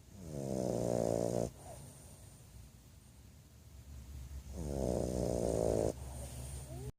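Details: Bulldog snoring during a nap: loud, rattling, buzzy snores, two long breaths in about seven seconds, with quieter breathing between.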